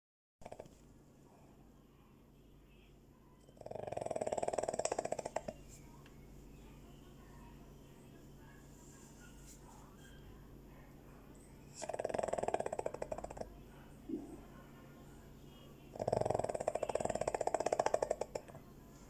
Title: snoring Dog